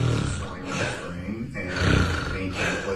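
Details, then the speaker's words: Loud, rough, low rattling snores in quick succession; snoring with pauses in breathing, described as a warning sign of possible obstructive sleep apnoea. "الشخير اذا عندك هذا الشخير اللي معه انقطاع في النفس فانتبه لنفسك"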